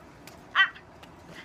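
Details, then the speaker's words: Vocal tic in a person with Tourette syndrome (also autism): a sudden, short bark-like vocal burst breaks the quiet, then recurs; a simple vocal tic, which the person reports worsens when emotional or worked up. "And I have a shoulder one, and I have one that goes and one where I bark, and sometimes I yell out words."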